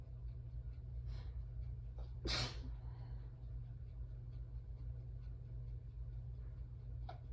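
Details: Single tired, messy sneeze with quick intake of breath, during an allergy attack in a female with some trouble breathing who may need her inhaler; low room hum.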